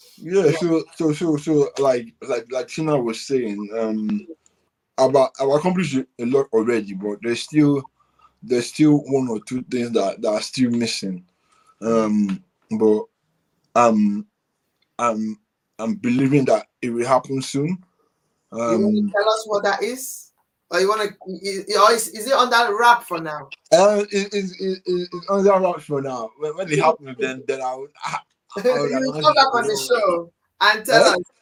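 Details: Adult man with cerebral palsy since birth, which he attributes to high bilirubin at birth and says affects movement and speech: dysarthria (cerebral palsy).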